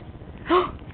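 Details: A single short, abrupt voiced catch from a 3½-month-old baby girl during peekaboo play and laughing. A typical infant hiccup.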